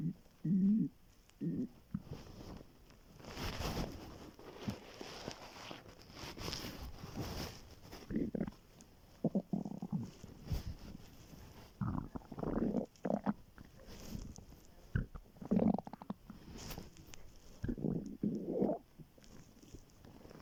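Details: Very hungry student's empty stomach recorded on waking in the morning: low gurgling rumbles and bubbling bursts coming and going irregularly over quiet background. Hunger stomach growling (borborygmi).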